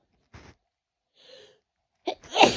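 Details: Person with a cold and heavy congestion, possibly moving to the chest: a soft catch of breath, a brief in-breath, then one sharp explosive sneeze.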